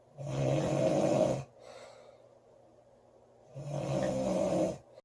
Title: Loud girl snoring July 15 2017